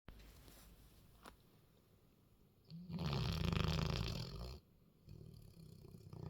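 A loud, deep, rumbling snore lasting nearly two seconds, between quieter breaths; a dog snoring.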